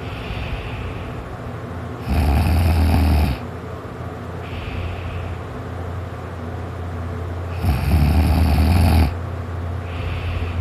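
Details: Person napping and just starting to snore: two loud, low, rattling snores on breathing in, separated by quieter breaths over about ten seconds, before being woken by something being bumped or knocked over.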